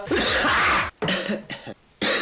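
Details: A person coughing.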